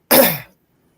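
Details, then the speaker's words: Adult woman with Tourette syndrome: a single loud, abrupt throat-clearing burst, a simple vocal tic. "my lady here has tourette's so you will hear her like say say random things make random noises yeah just pay no mind to that it's it's normal it's regular"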